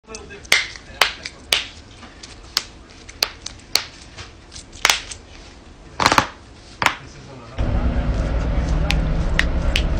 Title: loud neck and knuckles cracking